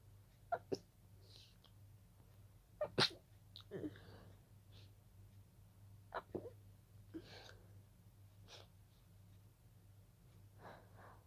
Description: Started as a simple Pollen allergy, became a sneezing fit 😅